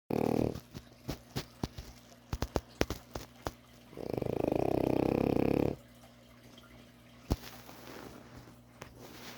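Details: A French bulldog puppy napping gives loud, fluttering, rattly snores on the in-breath, with soft clicks and quiet between.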